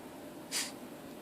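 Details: A chihuahua's single short, hissing nasal snort, described as a funny snore.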